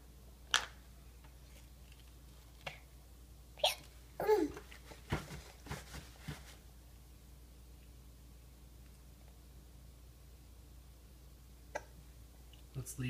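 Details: A young child eating Rice Krispies and green beans with a fork in a high chair gives several short, sharp hiccups at irregular intervals, with faint utensil clatter in between.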